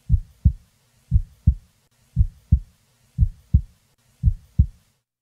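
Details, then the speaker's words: Normally split first heart sound: regular heartbeat near 58 a minute; each first sound is a quick double tap, followed by a single second sound. "listen to a normally split first sound"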